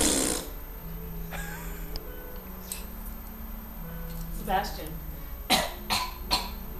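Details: Fake cough: a few short, deliberate cough bursts over quiet room noise and a faint steady hum.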